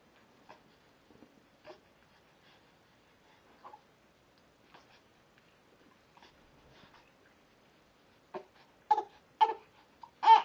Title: Sneeze 3 19 11